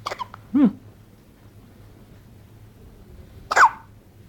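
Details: Someone having hiccups: two abrupt voiced hiccup sounds about three seconds apart, with quiet between them.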